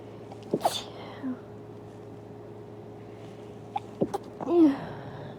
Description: I’m very tired and wanted to sneeze so this wav exists